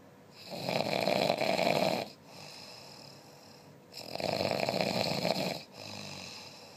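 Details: Two loud, fluttering inhaled snores about three seconds apart, each followed by a softer exhalation; very loud ordinary snoring during sleep.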